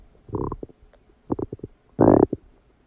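Bursts of gurgling and squelching with short bubbling pops, quiet gaps between them. Loud stomach rumbling from digestion after a meal.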